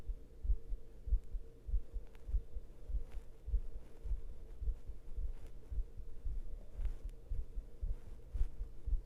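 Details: Deep, forceful, pounding male heartbeat at about 100 beats a minute, with heavy breathing, faint breathy noise and a low hum behind it: a rapid pounding heartbeat.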